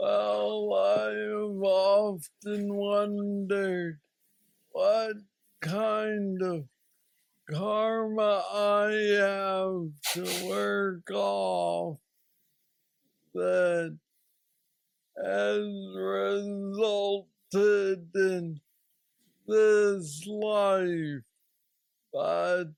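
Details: Hypokinetic dysarthria (Parkinsonian speech) in a 46-year-old man diagnosed with aggressive Parkinson's disease at age 35, worsening since, with mobility problems and treated with a brain neurostimulator implant.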